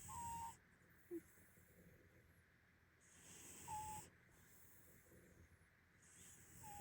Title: 2 snoring tomcats and one nonsnoring nontomcat